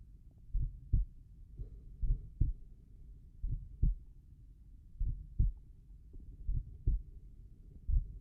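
Slow, regular paired lub-dub beats over the tricuspid area, around 45 a minute, with soft background hiss; relaxed normal heart sounds.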